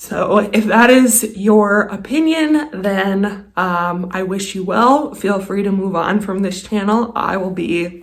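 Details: Adult woman with a lifelong vocal disorder she calls a medical condition; voice quivers, sounds shaky and cuts in and out. Finding: vocal tremor.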